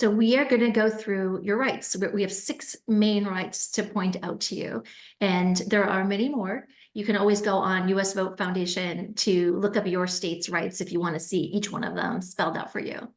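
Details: Adult woman speaking; normal speech.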